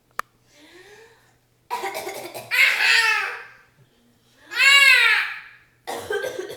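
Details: An adult mother's real, harsh cough while she changes her baby, with the baby's loud, hearty laughter between the coughs. The baby has loved fake coughs and sneezes since birth.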